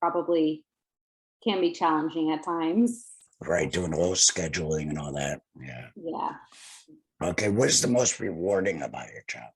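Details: Laryngectomee speaking with a tracheoesophageal voice prosthesis (TEP); tracheoesophageal speech after laryngectomy.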